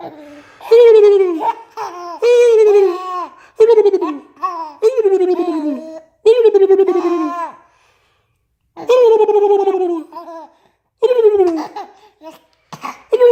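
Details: A young child giggles in bursts, with sudden sharp catches breaking into the laughter, typical of hiccups.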